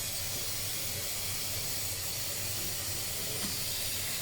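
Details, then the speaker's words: Steady, loud hiss of a dental water spray during a professional teeth cleaning of a young girl with small cavities and plaque who is cooperating; dental water spray. "Just water spray to clean your teeth and your teeth will be super clean."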